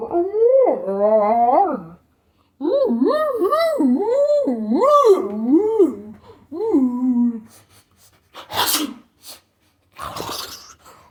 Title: the bear sneezing and roaring